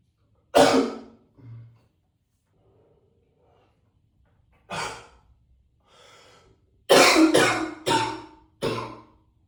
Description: coughing up a lung in the echoey bathroom 😮‍💨